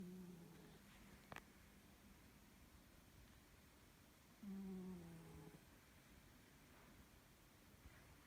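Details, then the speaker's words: Sleeping cat snoring loudly at night, low buzzing snores on two breaths about four seconds apart in a quiet room with a faint click between: snoring. "И вот так каждую ночь. Мышь. Она храпит, как дядька здоровенный. Словно я не с кошкой сплю, а с мужиком."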